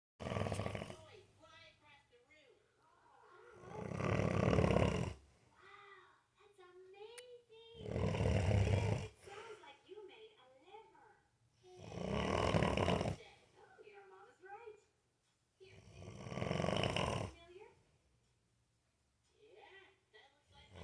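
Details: 28-year-old man, asleep and unaware he snores: loud, rough, rumbling snores about every four seconds (roughly 14 a minute), with soft whistling and snuffling between; snoring.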